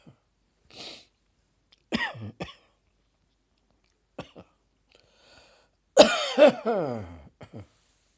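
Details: Sudden coughing fit triggered by a throat tickle in an adult: irregular bursts, a few sharp dry coughs, then louder voiced, strained coughing.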